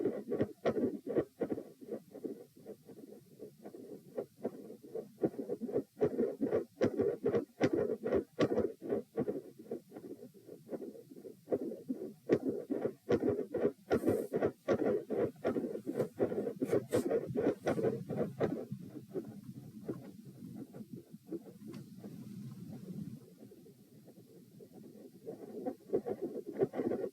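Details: Heart sounds recorded at position P, lying down, during attempts to provoke murmurs: loud S1 and S2 at about 76/min, both split, four sounds, with a midsystolic murmur.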